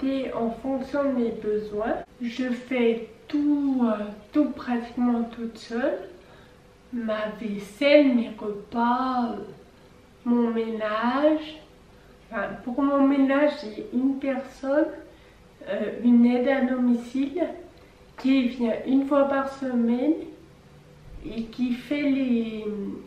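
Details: Ataxic dysarthria in a 26-year-old woman with Friedreich ataxia, a genetic neurodegenerative disease; she states her speech is slow and not very loud.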